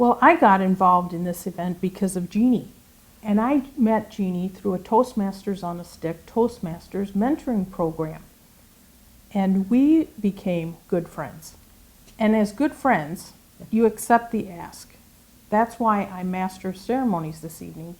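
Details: Adult woman; typical speech.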